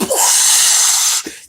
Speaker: the CPAP stands for continuous pressure where the BiPAP is by level pressure so it's supposed to be closer to your breathing so the CPAP is just like so it's just like depending on your level of how much pressure is coming in it's just like this